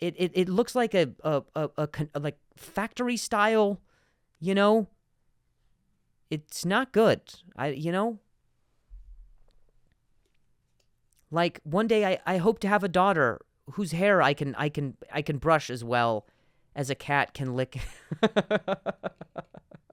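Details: Adult man, real stuttering in spontaneous speech with sound and word repetitions.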